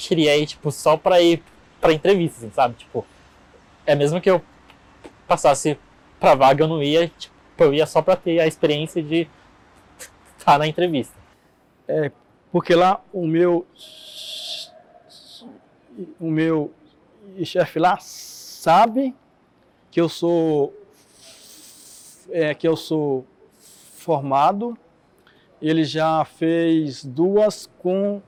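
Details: Adult man who stutters, interviewed in a documentary on stuttering; audible repetitions; stuttering.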